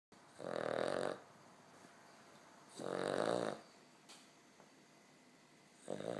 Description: A puppy snoring.